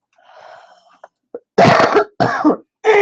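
An adult gives three strong, harsh coughs in quick succession after a few faint throat sounds; the last cough is cut off.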